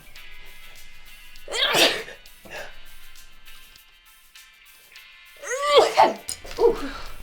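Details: Comedy sketch of a woman with hay fever sneezing: two noisy sneeze-like bursts over quiet background music, the second with a voiced exclamation.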